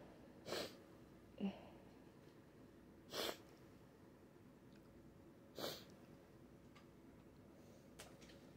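Three sharp sneezes, each with a quick intake before it, in a quiet room. Repeated sneezing.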